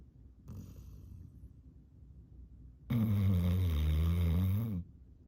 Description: Yellow lab retriever is exhausted and his mouth breathing snore is hilarious and extremely loud